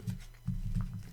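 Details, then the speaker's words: Low, rumbling fluttery breath noise from a small dog in a quiet room: snoring. "And if I tried to cut it, cut the snoring out of the video, there wouldn't be any video left"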